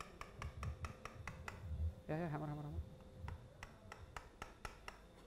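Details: Quiet irregular sharp taps, two to three a second, with a brief voice: mallet tapping an elevator to free the labrum off bone in arthroscopic Bankart repair, 30-year-old male, left recurrent shoulder dislocation, 10–15 episodes, positive apprehension.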